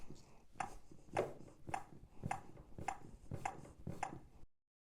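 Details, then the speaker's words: Zoll AED 3 training unit CPR metronome: regular pacing tones about 105 per minute with chest compression thumps, after prompts "Start CPR. Push to match the tone. Push harder." "Start CPR. Push to match the tone. Push harder. Push harder."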